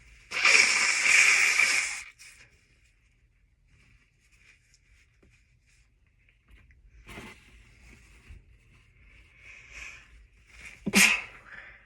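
A long hissing burst, then two short muffled sneezes with quiet sniffing between them; sneezes held back and kept quiet.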